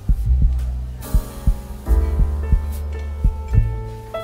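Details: A slow, quiet heartbeat sound effect of soft, deep paired thumps, about 57 beats a minute, under calm piano relaxation music meant for sleep and meditation.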